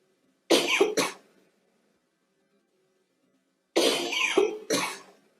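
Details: Adult in a legislative assembly gives two bouts of harsh, explosive coughing, two bursts then three, separated by a few seconds of silence: repeated cough.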